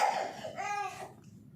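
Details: Infant with a one-week cough and fever that did not resolve despite many prescribed medicines: a brief cough followed by a short voiced whimper.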